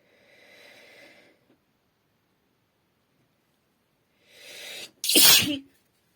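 A single loud sneeze: a sharp indrawn breath, a brief pause, then an explosive burst of air. It is one ordinary sneeze.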